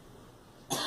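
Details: A girl gives a single abrupt cough, cut short at the end after a quiet moment: cough.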